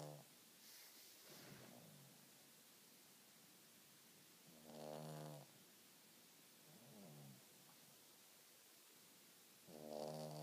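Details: Soft, buzzing snores at irregular intervals with quiet between, recorded in a still room while the big male pet sleeps on the sofa in front of the TV; light snoring in sleep.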